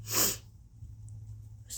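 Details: One sharp, hissing sneeze followed by quiet breathing and a low room hum, induced by stimulating the nose with turmeric, a Q-tip and a tissue; sneeze.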